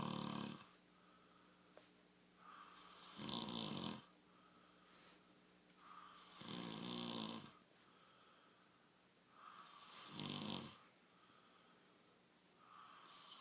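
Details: Snoring during sleep: regular rough snores on each breath, about 18 a minute, in a quiet room.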